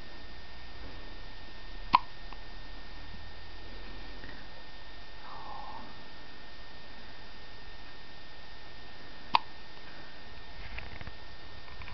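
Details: Three days old: two brief, sharp hiccup sounds about seven seconds apart against quiet room noise; hiccups.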